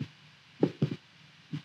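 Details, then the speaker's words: Normal heart sounds of an adult man through a stethoscope: soft, low, regular lub-dub at about 65 beats per minute, compared with facial pulse detection. "The heart rate that you can see on my face seems to match up with the audio of my heart that you can hear."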